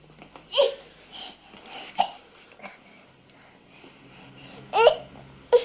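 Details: A 58-week-old baby girl playing with a teddy bear makes several short, abrupt vocal catches at irregular intervals between soft babble in a quiet room: hiccups.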